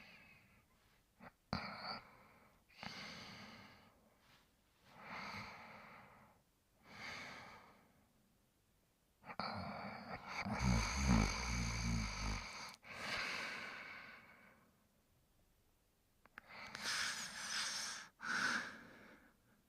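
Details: Snoring in sleep: noisy, snorting breaths with soft snoring and one longer rattling snore, in a quiet room.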